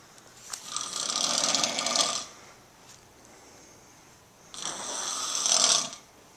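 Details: Two long, hissing, rattling breaths a few seconds apart from a sleeping dog: snoring.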